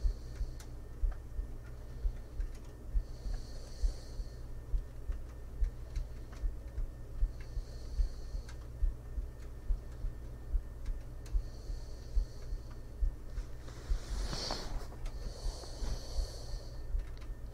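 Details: Real recording of a woman asleep in bed with a 3Dio binaural microphone beside her: soft, slow, even sleep breathing over a steady low thumping, with room hum and computer noise.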